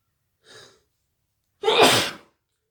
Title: Achoo i'm sneezing